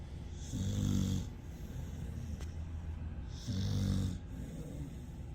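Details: Pitbull dog snoring loudly, keeping owner awake: rattling snores with rough vibrating tone on each inhalation and a breathy hiss between, about one every three seconds.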